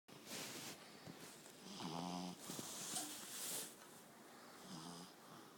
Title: Snoring boy